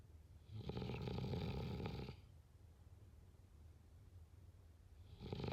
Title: #snoring #snoringasmr #snoringsounds #snoringsleepingsoundeffect #sleepsounds